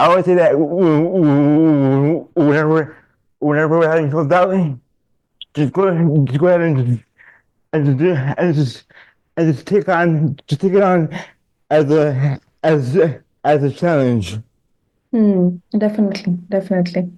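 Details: Adult man diagnosed with dystonia, a neurological disorder affecting mobility, as a child; speech in dystonia with word and phrase repetitions.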